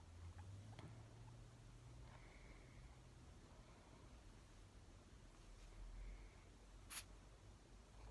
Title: My guinea pig sneezed